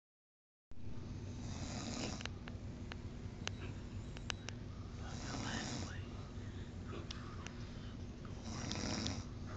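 Soft, regular snoring breaths about every three to four seconds, with occasional clicks and steady low background noise.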